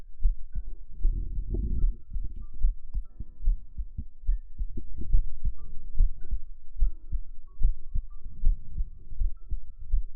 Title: 舒眠向 來媽媽的懷抱中好好休息 耳朵按摩+心音 ❤Ear Massage+ Heart sound❤